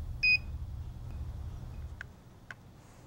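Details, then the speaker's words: Philips HeartStart HS1 AED in a training demonstration: a single short chirp-like beep with faint clicks, the low-battery alert prompting battery replacement. "if the ready light is not on and the on site is chirping it needs attention the blue eye button will be flashing press the eye button for more information and follow the defibrillators instructions for example if battery power is low the on site will tell you to replace the battery"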